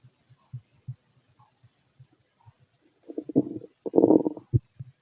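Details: Growling noises from an empty stomach: bowel sounds.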